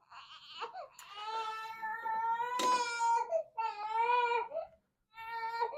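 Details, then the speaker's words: 6-week-old female infant at a chiropractic wellness check, crying during C1 neck adjustment: repeated strong wailing cries with brief pauses for breath. "It's not a big surprise that you don't love that, because that doesn't feel so good when you have a joint out."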